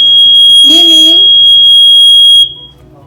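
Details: Newport E360 mechanical ventilator alarm: a loud, continuous, high-pitched tone with a brief voice underneath. It stops when the alarm reset button is pressed.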